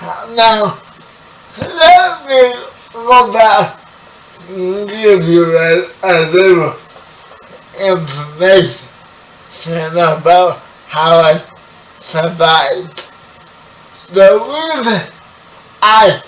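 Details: 30-year-old man with spastic quadriplegic cerebral palsy, born 11 weeks premature; his speech is affected by the condition. Spastic dysarthria (cerebral palsy).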